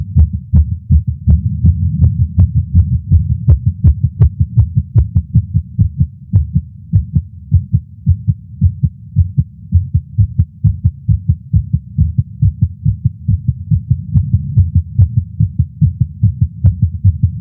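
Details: Male's heartbeat recorded with a Stemoscope stethoscope while smoking a cigar after not smoking for a while, feeling lightheaded: fast, steady thumps, roughly 160 per minute, possibly about 80 beats with paired sounds; racing heart, tachycardia.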